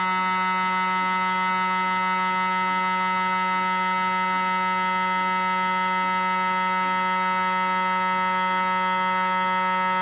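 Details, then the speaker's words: Loud, steady, harsh electronic buzzing tone with a fast faint pulsing underneath, recorded inside the scan room of a GE 1.5T or 3T MRI system; typical MRI scanner sequence noise. "This video is intended to help you familiarize yourself with the different sounds an MRI makes and eventually be comfortable around an MRI scanner."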